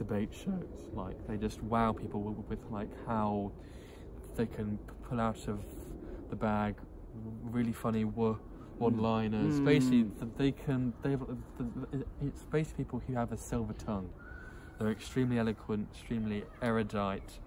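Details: Adult who stutters (self-described stammerer) speaking on a podcast about stuttering and speech techniques; stuttering.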